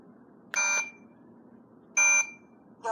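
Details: Talking ear thermometer used by a blind person, tip placed in the ear and top button pressed: two short high electronic beeps about 1.4 seconds apart over quiet room noise. No spoken reading in the clip; 98.4 is announced afterward.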